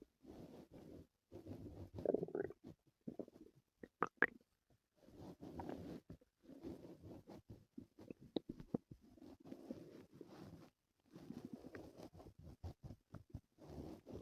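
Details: Stomach noises from a person with stomach pain the previous night: quiet, repeated gurgling and growling rumbles in bursts with brief squeaks, active bowel sounds (borborygmi).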